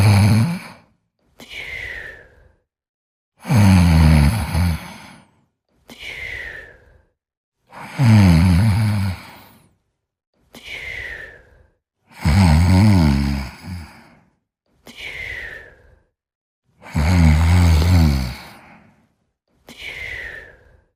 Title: Sleeping & Snoring Part 4